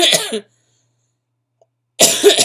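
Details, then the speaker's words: Two harsh, noisy coughs separated by a pause, the second cut off; adult with bronchitis and asthma complications, on prednisone, voice and cough audibly affected. "As you can probably tell, because my eyes are like barely open, you can hear my voice, you can hear my coughs, and my body feels like it's been beat with a baseball bat, just by having taken everything I can that reduces pain."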